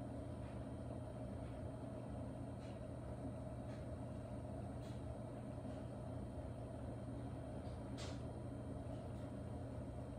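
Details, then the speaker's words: Percussion massage device with round foam head held on the client's lower back, paused 30 seconds over a tight muscle: steady low motor hum and rumble with occasional faint clicks. "if there is tension which i feel right there we're going to stop and let the percussion kind of sit for 30 seconds to try to loosen that inhibited muscle up"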